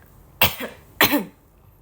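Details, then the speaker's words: Cough in a young woman on a livestream who says she keeps coughing but has not lost her voice: two short, sharp coughs about half a second apart in a quiet room. "Hm. Aku batuk mulu. Tapi untung sih suaraku enggak hilang, Guys."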